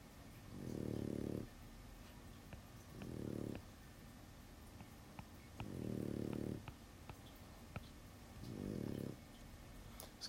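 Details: Pet dog asleep in background: four soft, rhythmic snores about every 2.5 seconds, roughly 24 a minute, over steady room noise; snoring.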